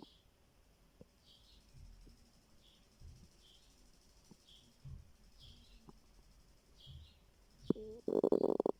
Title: My stomach growling 😂